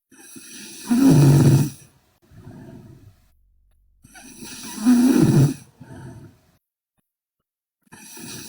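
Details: Sleeping Korean girl snoring heavily: loud, rough, rattling snores on each breath in, with softer breaths out, about 15 breaths a minute.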